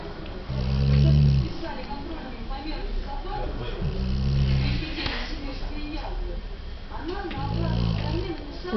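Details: Loud, deep, rumbling snores about every three seconds while asleep, with licking by a companion and background talk between them; snoring.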